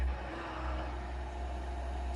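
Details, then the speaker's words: Child with SMA on a cough assist machine during physiotherapy: a steady low whoosh as the machine pushes a deep breath into the lungs, one of four big breaths in the insufflation phase after exsufflation. "now we want to give her some nice really big breaths in um to make sure she gets lots and lots of air inside her lungs and to stretch her chest out okay we're gonna do four big breaths are we ready"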